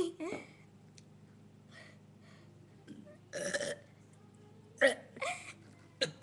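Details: Two girls in a burping contest: several loud, deliberate burps with quiet room noise between; voluntary belching.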